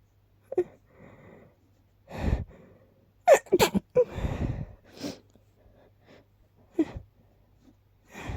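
Catching, gasping breaths build up to several sharp sneeze bursts in a small quiet room; repeated sneezing.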